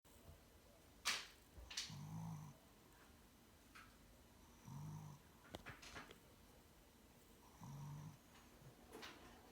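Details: Sleeping dog snoring: low, soft snores about every three seconds, with scattered clicks and rustling in a quiet room.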